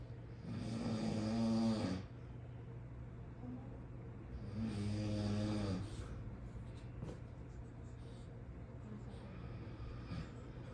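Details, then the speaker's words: Dog snoring: two loud, rough, rattling inspiratory snores about four seconds apart, with quieter breathing between and a steady room hum. "tired get your ass away from me you're tired of hearing you snore for"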